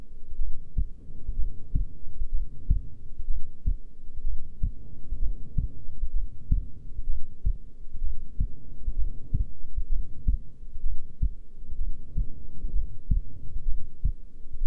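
Steady low thumps at roughly 65 beats a minute with a soft hum underneath; a normal resting heartbeat.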